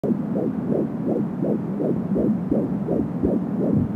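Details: Fetal heartbeat at 13 weeks of pregnancy on an Angel Sound home fetal Doppler: fast, regular whooshing pulses at about 170 beats per minute, with whooshing umbilical cord sounds.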